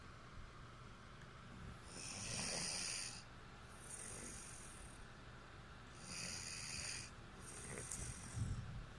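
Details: Repeated raspy, hissing breath sounds during sleep, with a few cycles in quick succession over steady room noise: snoring.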